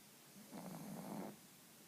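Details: Sleeping female pug, being woken for a walk, gives one brief, soft, fluttering snort-like snore against steady room hiss; snoring.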